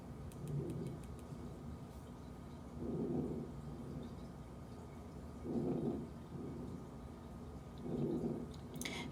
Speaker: i don't know if anybody has normal breath sounds right now but it should be just normal air movement in and out of the lungs you shouldn't hear any adventitious sounds so we can click on this and listen